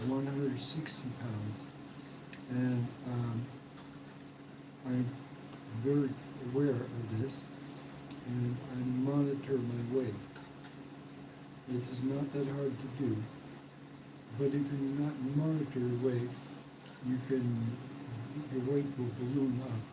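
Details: Man, 115 days into self-therapy for aphasia after a mild stroke; hesitations and sentence restarts; aphasia after mild stroke.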